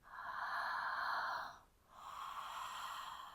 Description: In this video I’m sharing a super simple breath technique that I use all the time—ujjayi, or “ocean breath.”